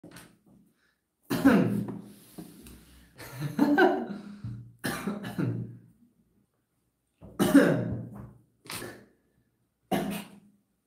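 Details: Several separate short coughs from different people, spaced apart by silences.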